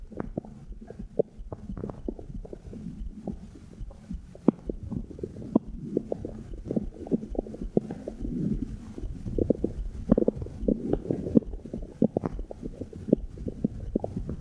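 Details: Irregular clicks, pops and low gurgles over a steady muffled hum, recorded with a phone mic placed on the belly button: ordinary bowel sounds (borborygmi) from an adult abdomen.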